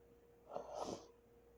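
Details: One soft, stifled sneeze with a quick indrawn breath before it, over a steady faint hum; sneezing.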